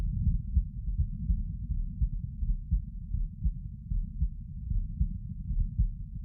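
Low, muffled heartbeats at about 80 a minute with a steady rhythm; normal heart sounds.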